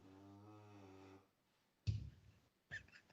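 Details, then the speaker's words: Female dog snoring heavily in the background during a talk show. "you hear my dog snoring yeah she's quite the snorlax remember that pokemon no you snore that you hear that she's out of control"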